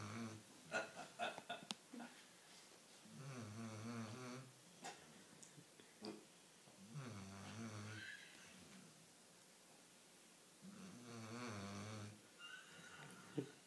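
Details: Slow, rhythmic, low buzzing snores on each breath, roughly four per half minute, with quiet snuffles between, from a sleeping dog; snoring.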